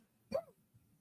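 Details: A single short, dry, voiced cough from an adult man with coughs and sniffles that have worsened over a couple of days, though he says he feels fine and not flu-like: a persistent dry hacking cough.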